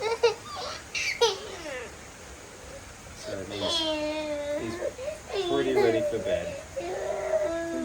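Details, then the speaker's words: A boy nearly 12 months old during bedtime sleep training: short, whiny fussing cries and whimpers when put down, as he wants body contact; toddler fussing cry. "He wants the body contact. Watch this. If we put him down, he won't really be happy"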